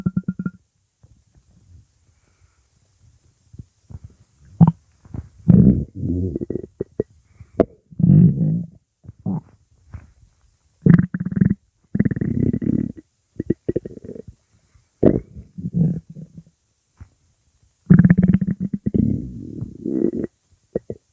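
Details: Loud, long, thunder-like rumbling stomach growls in bursts with quiet gaps; ordinary borborygmi.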